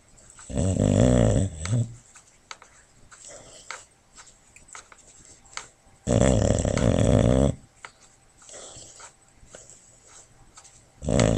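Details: Loud, deep rumbling snores every five to six seconds from a sleeping Boxer rescue dog lying on her foster sister's lap, with soft snuffles and twitching noises of dreaming; she is heartworm-treated and has an injured knee.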